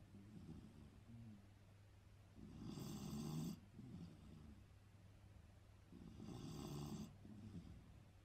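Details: Loud snoring from two sleepers: rattling snores about every three to four seconds, each followed by a softer breath out; steady snoring in sleep.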